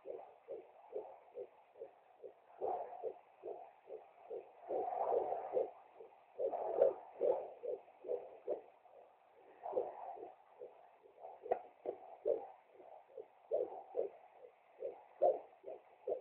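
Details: Fetal heartbeat at 15 weeks and 1 day of pregnancy via fetal Doppler: rapid, regular galloping pulses, about 150 a minute, a normal fetal heartbeat.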